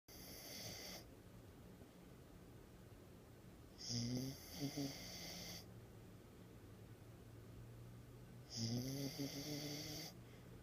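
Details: Sleeping puppy snoring: soft rattling snores with each breath, about three in ten seconds, over steady room noise; ordinary snoring.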